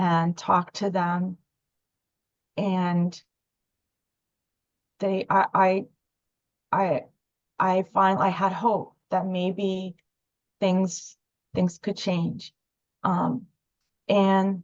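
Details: Adult female speaker; stuttering.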